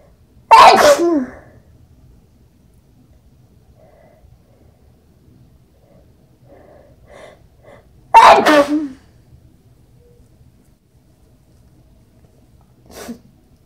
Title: sneezing into a towel